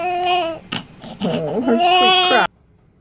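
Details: Loud, tonal newborn crying in repeated bursts with adults talking quietly; vigorous cry of a baby girl, about 9 lb 18, shortly after vaginal birth.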